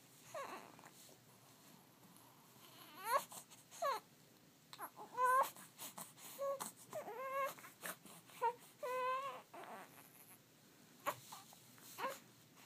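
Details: A 1-month-old infant fussing during tummy time, with intermittent whimpering cries in short rising and falling bursts between quiet pauses; an ordinary protest cry.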